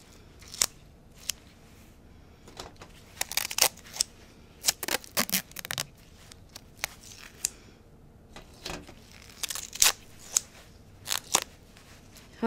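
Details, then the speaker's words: Irregular sharp crinkles, rips and scrapes of medical tape, six roughly 3.5-inch pieces with tabs, torn and pressed on while securing haemodialysis cannulation needles on the arm. "you will need six pieces of tape roughly three and a half inches long making sure that you're putting tabs on the end of your tape always so that the patient can get them off easily at home"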